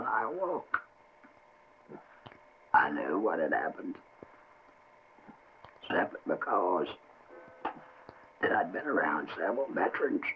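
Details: Adult man whose larynx was surgically removed as cancer treatment, now speaking with esophageal speech; esophageal speech after total laryngectomy.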